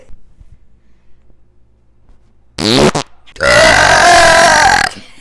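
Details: Two burps, a short one then a long, loud, drawn-out belch over a second, from someone making hot chocolate with creamy milk; burping.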